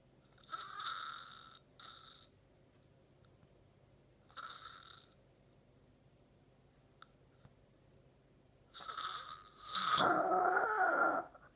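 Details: A man dozes off mid-conversation and snores: irregular noisy breathing bursts with a louder, rougher rattling snore at the end; snoring during sleep.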